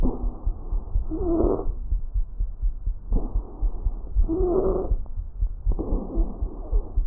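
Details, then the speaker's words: Abnormal breath sounds played during a pulmonary auscultation demonstration: adventitious lung sounds. "Ahora escucharemos los ruidos anormales."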